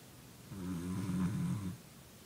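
A single low, buzzing, vibrating inhaled breath sound, typical of snoring.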